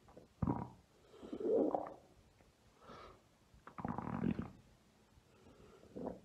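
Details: Deep tummy and belly rumbles (borborygmi), bowel sounds.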